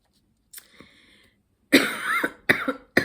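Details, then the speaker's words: Adult woman, hoarse and ill from air conditioning and heat, makes a faint throat sound and then three loud, rough coughs in quick succession: a cough. "j'ai la voix cassée parce que je suis malade à cause des climes et de la chaleur."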